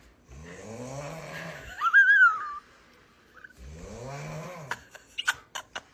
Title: Ranking Snores That Should Be Studied